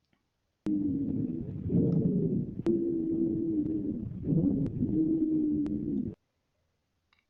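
Continuous musical, whistling tones run through the breathing with a brief dip midway, fitting wheezes from narrowed small airways.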